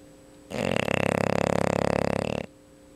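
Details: Luna, a sleeping English Bulldog, snoring; one loud, buzzing, rattling breath about two seconds long, like a chainsaw.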